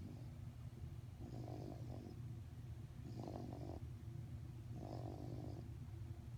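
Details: Rhythmic rattling snores, about one every two seconds, over a low steady rumble; three snoring breaths. Finding: snoring.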